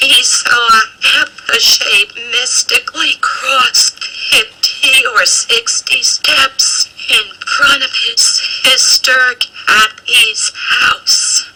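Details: Female speaker with rare abductor spasmodic dysphonia, a neurological voice disorder in which her vocal cords stay open; voice frequently breathy while she reads a passage; abductor spasmodic dysphonia.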